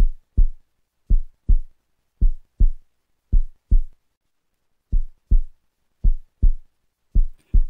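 Regular lub-dub heartbeat, about 55 a minute; the second sound, dub, is the closing of the aortic and pulmonary valves.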